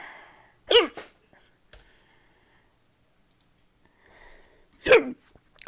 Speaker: i ain't gonna start it okay until until i get these hiccups out of the control i don't want to talk about anything right now